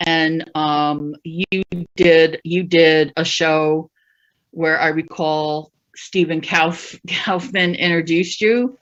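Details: Adult female stand-up comic who stutters, real stuttering in a live set with word repetitions; stuttering.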